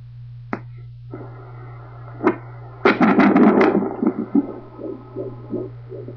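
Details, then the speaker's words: Fetal heartbeat at 13 weeks 6 days on a home handheld Doppler: rapid soft whooshing pulses over a steady electronic hum, nice and strong, counted at 157 beats per minute. "if you guys can hear that like Fast beating right there that's the baby's heartbeat right there that's nice and strong"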